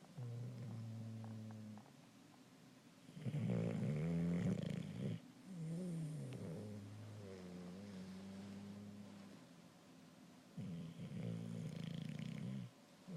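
Loud, rattling, wavering snores from a sleeping bulldog, long noisy breaths through a narrowed airway, with short quieter pauses between them.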